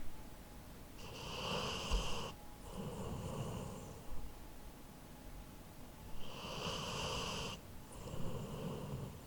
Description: I happened to have my H4n handy, so I recorded my Labrador snoring.